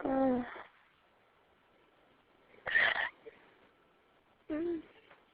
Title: Hiccups(audio only)